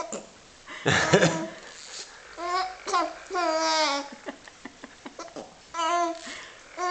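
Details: An infant babbles and laughs hysterically while playing with a toy bunny, with bursts of short, abrupt catches in the voice: laughing with hiccups.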